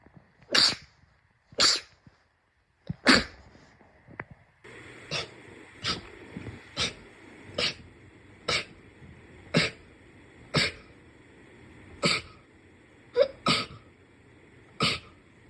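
A rapid series of about fourteen sharp sneezes, roughly one a second, over faint room noise; ordinary sneezing.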